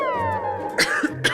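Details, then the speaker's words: Two short, sharp, dry acted coughs after background music in a skit, blamed on bacteria from an air conditioner left uncleaned for a year. ">> 선생님 저 계속 기침이 나는게 에어컨 알러지인가 봐요."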